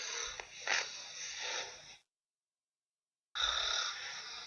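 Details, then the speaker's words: Adult man snoring loudly while asleep at night: harsh, raspy breathing noise broken by a complete silent cutout; recorded handheld. "so anyways here's a little sound clip of him snoring I hope you can hear this and I'll walk you through what's happening"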